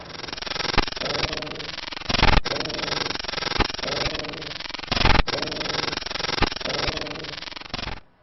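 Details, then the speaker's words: Muffled, bleating voice sounds heard through the chest wall on auscultation, with 'ee' coming through as 'ay': egophony, a sign of lung consolidation. "so this one is egophony O egophony bronchophony great names right"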